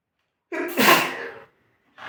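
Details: Sneeze on a chair: a single sharp sneeze with a short intake before the burst, then quiet; sneeze.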